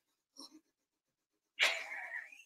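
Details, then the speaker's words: Nervous, scared hedgehog placed in a container: faint short hiccup-like puff (first warning), then a sharp hissing defensive huff. "do you hear his little hiccup that's his first warning you hear that sound and you know not to go and touch him"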